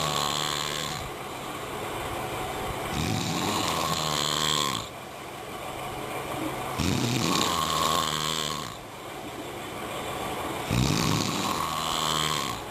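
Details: Snoring: loud, rough vibrating snores on each breath, about every four seconds, at roughly 15 breaths a minute.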